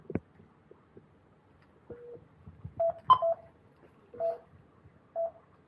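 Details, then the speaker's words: Patient monitor set to audible QRS tones during pre-oxygenation before endotracheal intubation: short, evenly pitched beeps, one per detected heartbeat, sounding the ECG rhythm aloud. "So if you wanted to listen to his EKG, right, you could listen to the sounds."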